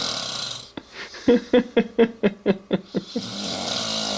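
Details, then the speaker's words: An adult man who fell asleep after a couple of beers: a quick run of short rattling snorting pulses, about eight in two seconds; fluttery snoring. "wow I thought I snored loud like a lawnmower say good night neemo good boy"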